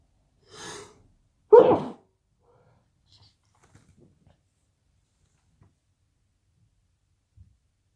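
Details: Person with a bit of the sniffles: a sharp indrawn breath followed by one forceful sneeze, then faint sniffs.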